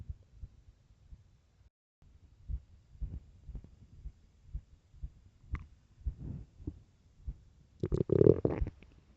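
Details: Stomach growling from hunger: low rumbling gurgles and irregular bubbling from the abdomen, ending in a louder growl; ordinary hunger bowel sounds (borborygmi).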